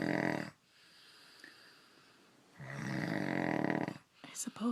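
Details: Adult man (husband) snoring during sleep: two loud, rattling snores on breathing in, separated by a quiet pause, with a brief voice at the end; heavy snoring.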